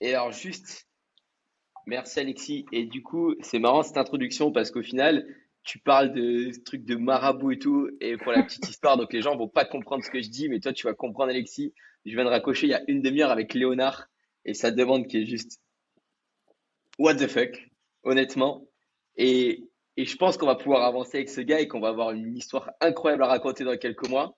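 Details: Adult man speaking French; normal speech.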